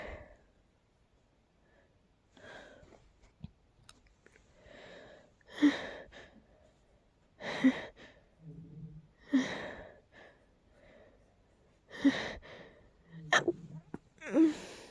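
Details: Stifled sneezing from a very tickly nose: about five soft, breathy, muffled sneezes with sharp catches of breath, held back rather than fully released.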